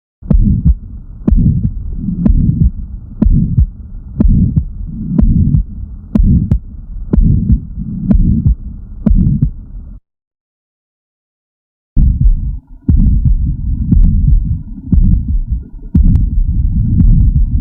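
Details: Subaortic stenosis, described as HOCM (hypertrophic cardiomyopathy): a steady heartbeat near 60 a minute with a rough whooshing murmur filling the space between beats.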